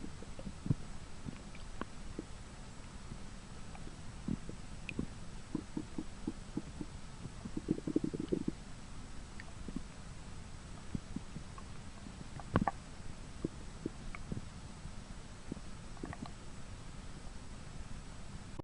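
Soft gurgling and clicking bowel sounds with a brief louder gurgle, ordinary stomach growling in a skunk.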